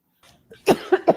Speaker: >> There's me in that smoker's cough again. I mean, um, >> that's funny. Chain smoking and having a cough that won't go away.